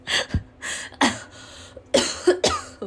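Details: Several short, dry cough bursts with throat clearing, about five in three seconds, from a young woman unwell for some time, with a stuffy nose, on painkillers for a sore throat and newly prescribed an inhaled steroid.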